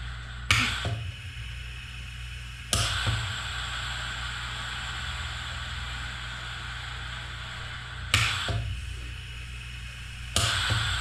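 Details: Concept open-source COVID-19 ventilator built from industrial solenoid valves and compressed air, feeding a painter-style face mask with no patient attached: sharp valve clicks in pairs over a steady air hiss, cycling about every 7–8 seconds.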